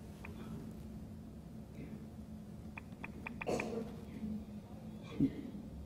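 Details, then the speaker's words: Adult man with Tourette syndrome: brief, abrupt grunting vocalizations accompanying each tic, over a quiet, humming room. "can hear there are vocalizations with it so he's kind of grunting each time he has one of these ticks okay"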